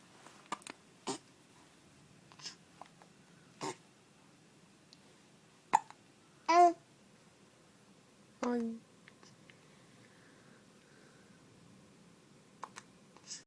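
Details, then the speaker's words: Young child with ordinary hiccups: several short, sharp hiccup sounds with quiet gaps between them, in a quiet room. "I've got hiccups at the moment."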